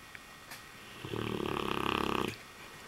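One rattling, fluttering inhaled snore of just over a second in a quiet room.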